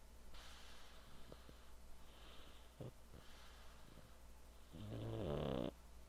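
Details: Male cat snoring while napping: soft, airy breaths ending in one louder, fluttering snore on the in-breath, over a low, steady room hum.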